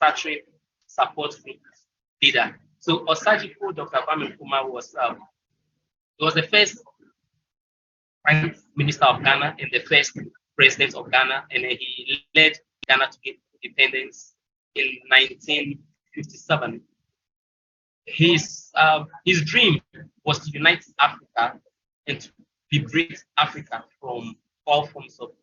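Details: Stuttering in a presenter from Ghana at a stuttering support event, with frequent fillers and broken phrases.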